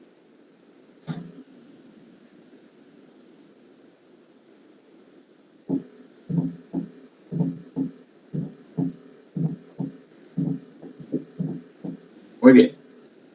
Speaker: este día el tercero cardio o galope que ventricular ocurre usualmente después de que ruido r 2